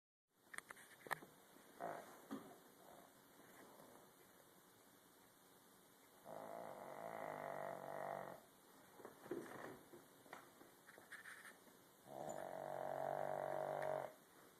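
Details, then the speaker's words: A Pug, a small flat-faced dog, snoring in sleep louder than many humans: long, buzzing snores on the in-breath, separated by snuffling and small clicks. "This is Buster snoring louder than most humans."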